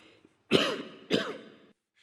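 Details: Chinese President coughing during a speech, among 4 coughs in the last 10 minutes: two short, harsh adult coughs in quick succession, close to a microphone.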